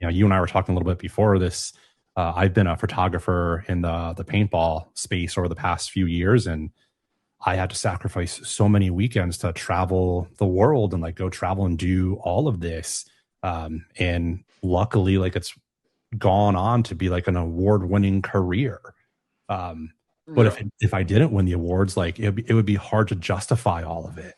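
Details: Adult male speaker; Normal conversational speech.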